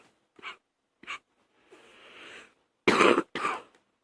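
Two short coughs, a rough breathy clearing, then two loud harsh coughs in quick succession; a morning coughing bout.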